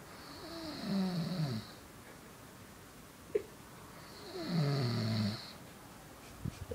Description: My dad snoring